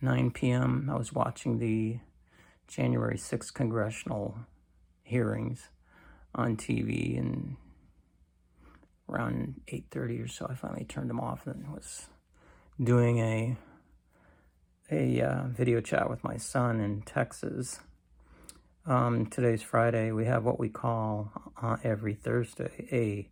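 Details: Adult man with cancer and a bile duct stent, weakened after difficult months, recorded in the morning; he attributes his creaky voice to lack of strength; creaky, weak voice.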